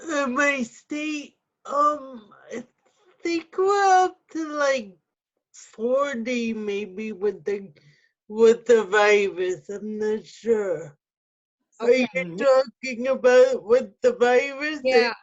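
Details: Adult with cerebral palsy with spasticity and quadriplegia, wheelchair user, speaking; no specific speech disorder named; speech in cerebral palsy.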